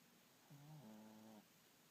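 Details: One drawn-out, buzzing, vibrating breath lasting about a second, rising in pitch partway through: snoring.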